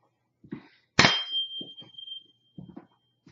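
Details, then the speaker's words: HEENT exam by a nurse practitioner student, Rinne test, patient reports when sound stops, air versus bone conduction: sharp strike, then clear steady ringing that slowly fades, quiet voices; tuning fork tone. "okay then tell me when you stop hearing that now okay and this is hearing conduction"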